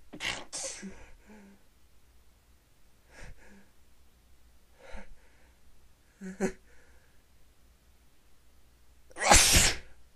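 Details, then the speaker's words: Repeated stifled sneezes with soft puffs of air, then one loud full sneeze; the person tries to hold them back but can't stop: stifled sneezing. "Oh man, I can't stop. Sneeze. Fuck. Just keep coming."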